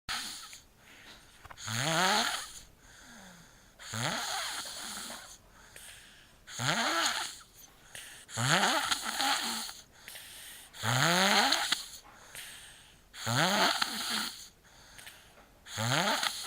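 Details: Snoring recorded with a Flip Video camera: regular harsh, rasping snores with a rising whistle at the start of each breath, about 25 a minute.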